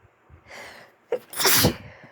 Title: Sniffly sneezes at the end of a flu. 🤧